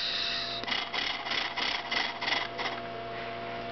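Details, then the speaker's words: 10-year-old girl with cystic fibrosis using an Acapella oscillating positive expiratory pressure device, varying long slow and quick blows: about eight short rattling, buzzing bursts to move mucus up and out of her lungs. "what is doing is she's varying the way she blows into the device so she does some long blows and slow and then she'll do some quick"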